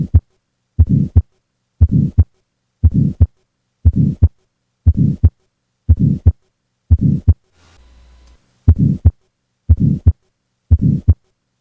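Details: Heart sounds on auscultation with the murmur of tetralogy of Fallot.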